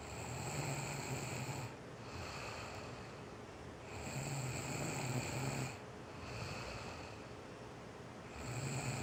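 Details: Woman asleep and snoring without knowing it: soft, low, rumbling snores about every two seconds, roughly 28 breaths a minute, over steady background hiss; mild snoring.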